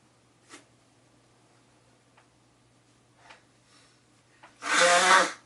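Faint small breaths and clicks in a quiet room, then one loud, explosive sneeze near the end.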